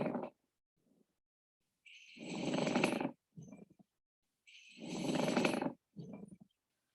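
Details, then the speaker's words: Lung-sound recording: low-pitched, dry, coarse grating rub like two rocks grinding, heard on the front of the lung during inhalation and exhalation; pleural friction rub from infection-inflamed pleura. "As you can hear, it's described as low-pitched, dry rubbing. Again, like two rocks being grinded together."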